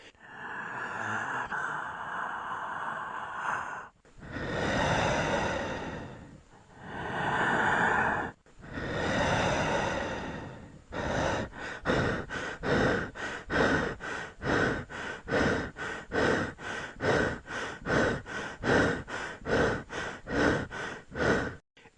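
Several slow, deep breaths in and out, then rapid shallow panting at about two breaths a second: normal breath sounds of air entering and leaving the lungs.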